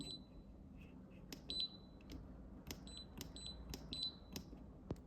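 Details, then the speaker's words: Woodpecker Woodpex V dental apex locator demonstrated on unboxing, out of the mouth: short high-pitched electronic beeps, irregular, over room noise and faint clicks, showing its three audio volume levels. "Three levels of audio intensity for the bibs."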